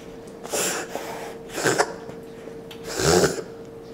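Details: Dog with heavy breathing of uncertain cause: three loud, forceful, noisy snorting breaths at about 40 a minute in a quiet room.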